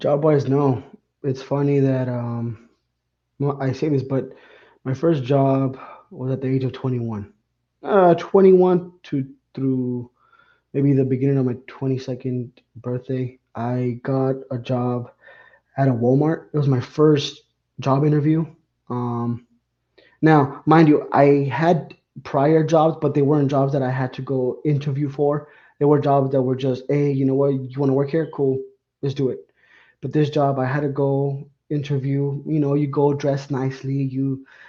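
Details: 51-year-old man with lifelong stuttering, after 20 years of speech therapy; he reports improving from zero to about 80 percent but still blocking and repeating, with frequent "um" fillers and repeated words; stuttering.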